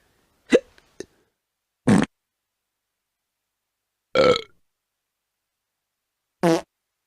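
A series of short, voiced belches, about four or five in seven seconds, from a sound-effect recording; burping.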